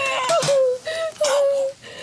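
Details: Just-delivered baby girl, moments after birth; strong, high-pitched crying in repeated bursts: normal vigorous newborn cry.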